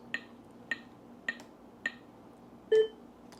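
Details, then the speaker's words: AED training demonstration during CPR: sharp, evenly spaced metronome clicks at about 105 a minute as the device counts chest compressions, then a brief tone before prompting two rescue breaths after 30 compressions. "Some devices are equipped with a metronome to keep you on pace with your compressions."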